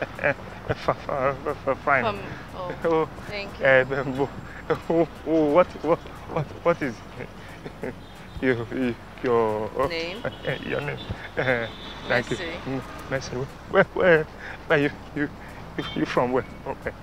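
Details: Acted stuttering: a stammer performed for a street prank show, not a real disorder.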